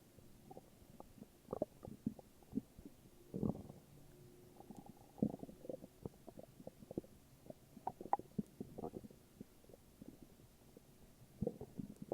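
Irregular gurgling, bubbling rumbles and squeaks over about twelve seconds; ordinary bowel sounds of a stomach growling.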